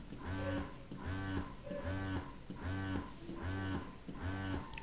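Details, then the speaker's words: Rhythmic low droning motor cycles, about 76 a minute, rising and falling with a whirring sound: Phanpy double electric breast pump in expression modes one to two on a breast model. "so number one expression mode is almost similar to massage mode now very light let's try expression mode number two"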